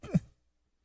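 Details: Single brief, low-pitched cough from an adult man, a former metal guitarist, heard over a muffled live broadcast line during an interview, followed by silence; he was also wheezing.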